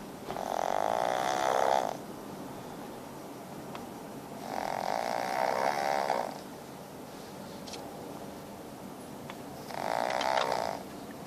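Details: 9-month-old male fawn pug snoring in the car: loud, rattling, buzzing, vibrating snores, three in about eleven seconds, roughly 16 breaths per minute.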